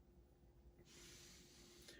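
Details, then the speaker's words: Dog snoring while asleep in the background, tired out: a soft, hissing snore-like breath over a low room hum. "You can probably hear my dog is snoring in the background. This movie wore her out too."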